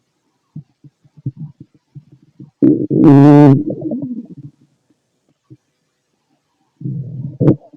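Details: Male stomach noise while digesting food: gurgling abdominal rumbles with a brief high-pitched squeal, ordinary bowel sounds.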